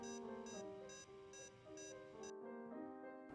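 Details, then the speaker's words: LLEAP simulator patient monitor (simulated) sounding high-pitched beeps, about two per second, synchronized with the SpO2 pulse rate over a steady background tone; alarms can be silenced or paused. "the high pitch beeping is synchronized with spo2 pulse rate the alarm can be silent with alarms off or pause alarm at the top right corner"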